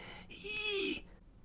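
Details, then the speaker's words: An adult imitates stridor, a single harsh, high-pitched whistling breath, as heard in young children with croup, where swollen tracheal walls make breathing difficult. "And that sound we refer to as stridor. And it sounds something like"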